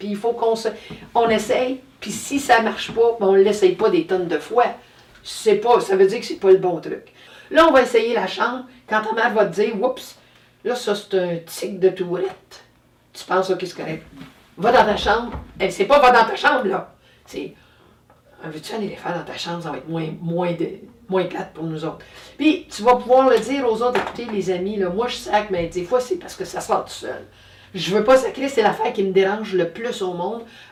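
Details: Adult woman speaking French; normal speech.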